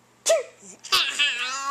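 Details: 11-month-old baby laughing at father's fake sneeze: a brief sneeze-like burst followed by bright infant laughter; sneeze.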